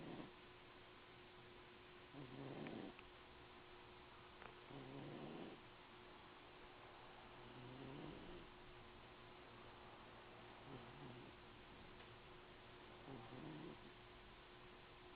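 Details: Male cat sleeping in a box and snoring: soft, low rumbling snores, roughly five over fifteen seconds, against a steady background hum.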